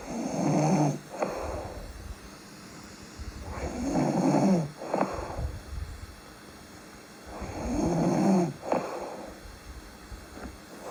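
Loud rattling snores on each breath in, with audible breathing out, about 16 breaths a minute; ordinary sleep snoring.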